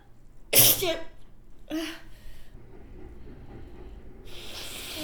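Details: Acted sneezes by a model in a staged date scene, with pollen mentioned: one forceful sneeze and one softer, over quiet room noise, then a short hiss.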